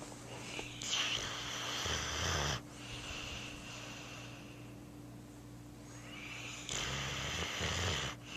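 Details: Dog sleeping on a couch after a hard day, snoring: two long, hissing, rattly breaths several seconds apart over a steady room hum.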